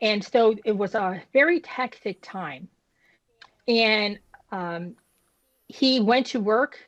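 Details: Woman who had a stroke at age 36 damaging about a third of her brain, including the speech center, initially leaving her unable to speak with right-side paralysis; she had aphasia and apraxia of speech.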